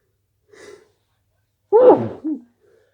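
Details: A faint intake of breath, then one sharp voiced burst with a short trailing sound: a single sneeze.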